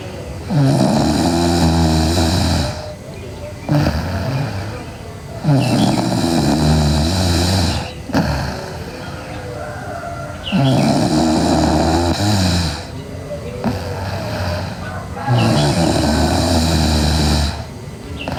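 Loud, rough snoring on each breath in, about 12 breaths a minute, with quieter breaths out between.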